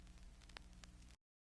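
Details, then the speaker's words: 1967 phonocardiography teaching record, tracing 27: brief heart sound fragment with a mid-systolic pulmonary ejection murmur, systolic ejection click, split second sound and diastolic murmur of pulmonary insufficiency. "tracing number 27 mid systolic pulmonary ejection murmur systolic ejection click split second sound diastolic murmur of pulmonary insufficiency"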